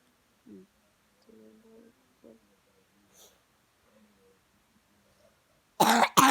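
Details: Quiet low groaning sounds from a person who is suffering with a cough, then two loud, harsh coughs in quick succession at the end.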